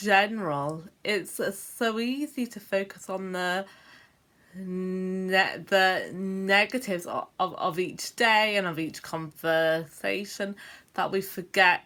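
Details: Adult woman with a self-reported stammer: stuttering.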